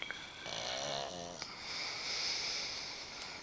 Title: pug bubba snores together with his lovely daddy